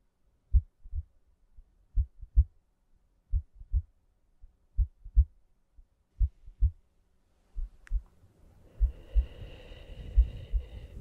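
Paired soft thumps, lub-dub, about 65 a minute, with background hum entering near the end; ordinary heartbeat.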